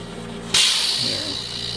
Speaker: yes if you need to use the nebulizer there's a port here on the back and this thing comes out and it's really high flow rate